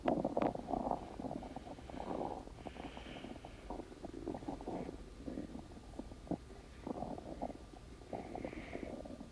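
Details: Long gurgling, rumbling bowel sounds with bubbly bursts; ordinary stomach growling (borborygmi).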